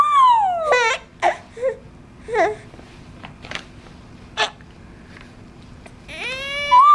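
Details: Baby's wailing cry with falling pitch, broken by short breathy, giggle-like laughing bursts, then crying again; ordinary infant crying.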